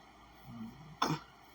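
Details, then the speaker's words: Adult with Tourette's syndrome, tics since sixth or seventh grade, notes being often unaware of them: soft low voiced rumble, then one abrupt harsh throat-clearing burst, a simple vocal tic. "so I mean like I just had a tick right now just you know throat clearance one of the ticks and a lot of times I don't even be aware of myself having ticks or whatever you know"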